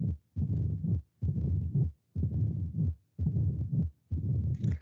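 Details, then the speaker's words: Mitral stenosis at the mitral focus: low-pitched heart sounds with an opening snap after the second sound, followed by a long diastolic rumbling murmur, with reinforced first heart sound and radiation to the axilla. "Chasquido es como cuando tú tiras una piedra al agua, así, ¿no? Es un chasquido de agua. El CH es chasquido, eso se llama chasquido de apertura."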